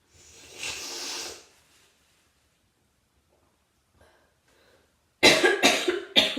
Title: Coughing and nose blowing